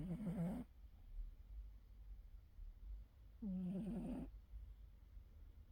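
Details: Cat snoring loudly in deep sleep: two rough, fluttering snores about three seconds apart with quiet breathing between.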